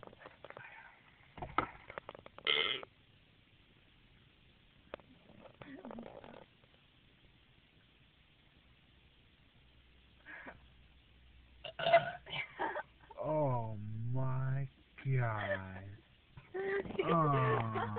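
Quiet room noise, then a run of drawn-out, croaky voiced belches after drinking; burping.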